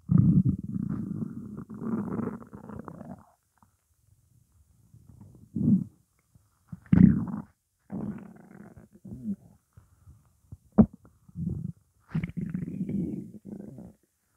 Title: Morning hunger